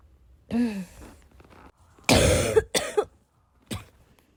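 A voiced groan followed by a few loud, harsh coughs with throat clearing.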